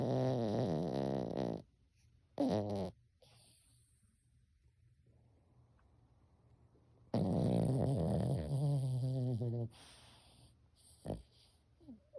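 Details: Loud, buzzing, fluttery wet/dry snoring on inhalation with a brief snort between snores and quiet pauses; snoring.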